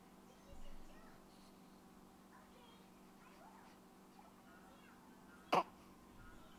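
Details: Hiccups heard while the subject is trying to sit up. Finding: hiccups.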